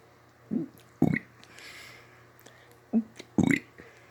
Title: burping part 5